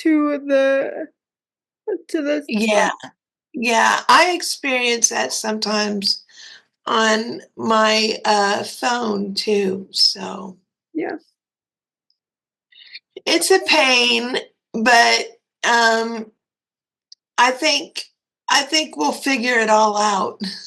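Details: 56-year-old woman with cerebral palsy and quadriplegia; others have said she sounded like she was having a stroke; dysarthria (cerebral palsy).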